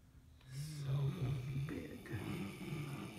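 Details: Low, rumbling, fluttering breath noise in a quiet room; snoring.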